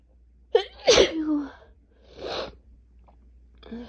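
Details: A sharp indrawn gasp, then one loud explosive sneeze and a breathy exhale or blow, from a person with a cold, sinus pressure, fever and asthma-related chest tightness.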